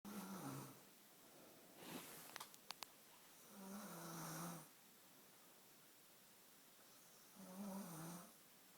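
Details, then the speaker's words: Snoring sounds, thought to be real snoring, with a voice saying "stop snoring." "Yeah, stop snoring."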